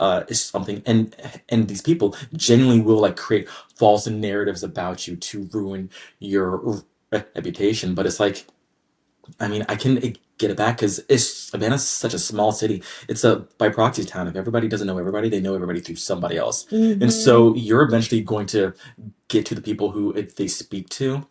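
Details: Adult man with a lifelong, anxiety-based stutter, triggered mainly by word-initial B, P, D and hard G sounds, drawn-out M sounds, humidity and background noise; stuttering.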